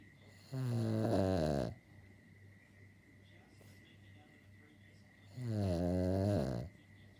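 Two long, loud, rattling snores, each lasting over a second, separated by quiet breathing; a dog snoring in sleep.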